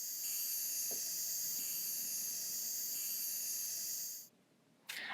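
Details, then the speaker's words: Small volume nebulizer delivering prescribed albuterol, run until mist stops; steady high-pitched hiss with a few faint taps on the cup, stopping briefly near the end before a short burst resumes. "Have the patient repeat this process until mist is no longer being produced by the nebulizer."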